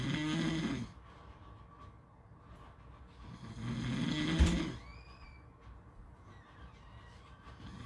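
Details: Two loud rattling snores on inhalation with quiet gaps between, about 15 a minute, recorded with beach sounds; snoring.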